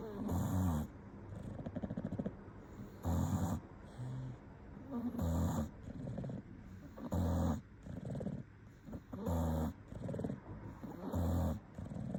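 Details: Sleeping English bulldog: loud, regular snorting snores, about 30 a minute, with quieter breathing sounds between them; snoring.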